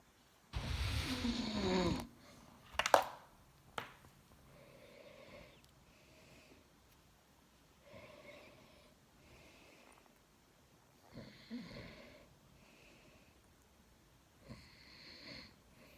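Soft, irregular snoring breaths with a rattling, nasal quality and a few louder snorts and rustling noises, from a sleeping adult.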